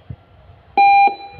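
A single steady electronic beep from a bedside patient monitor in a quiet room.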